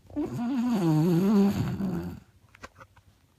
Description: Sadie the snoring Beagle